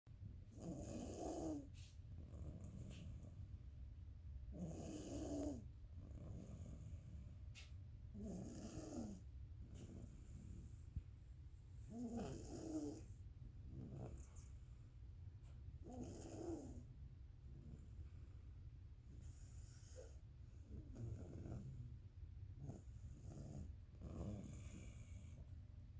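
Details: Baby girl asleep, snoring softly and regularly at about 16 breaths a minute over a steady low hum.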